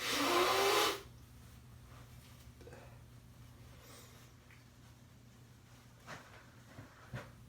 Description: 4-29-22 I finally was able to capture a sneeze on camera as my allergies have been ramping up significantly lately 🤧